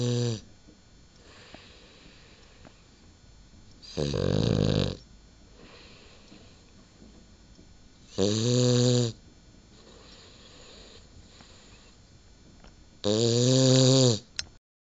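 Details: Cavalier King Charles spaniel in deep sleep: loud, rough snores about every four to five seconds, each a drawn-out rattling breath with quiet breathing between; snoring.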